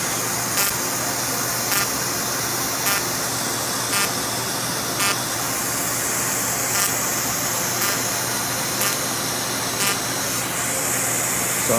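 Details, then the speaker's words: Second pass of in-office CO2 laser skin resurfacing alongside upper eyelid blepharoplasty, patient awake under local anesthetic, after debriding dead skin from first pass: steady device hiss with short sharp pulses about once a second. "this is the second pass i've debride it and removed all the dead skin that we laser with the first time"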